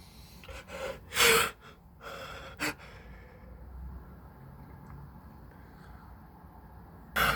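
A gasping build-up breath, then a loud forceful sneeze and a shorter second burst, with another starting at the end; allergic sneezing.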